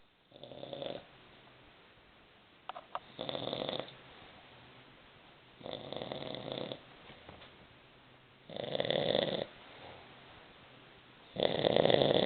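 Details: A grandmother snoring in her sleep: repeated loud, rough snores on each breath in, about every two and a half to three seconds, with quiet breathing between.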